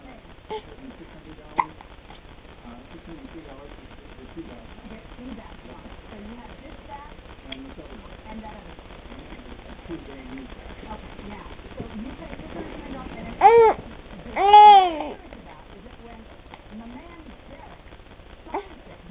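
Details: Infant making soft murmuring noises, a few sudden short hiccups and two brief voiced squeals; hiccups.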